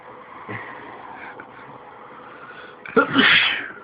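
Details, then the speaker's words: Voluntary sneeze produced on demand by a man: quiet room noise, then a sudden sharp explosive burst with a breathy tail. "this is the man who can sneeze whenever he wants"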